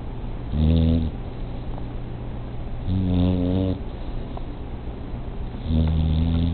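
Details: Three long, low buzzing snores roughly every two and a half seconds over steady background hiss; snoring.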